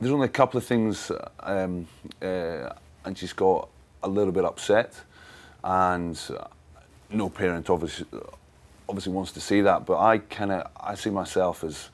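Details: Stuttering (stammering) in an adult man who has stammered since childhood; he could barely talk for his first 15 years, still masks it, and uses pauses to regroup.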